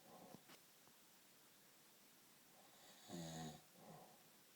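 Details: Adult man (a dad) snoring loudly, rough rattling, buzzing snore on the in-breath followed by a softer breath; heavy snoring.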